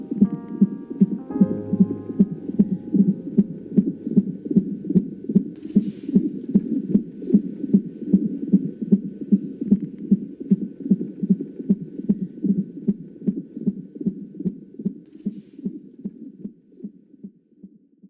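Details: Steady, regular heartbeat at about 76 beats a minute, with soft music tones near the start: normal heartbeat.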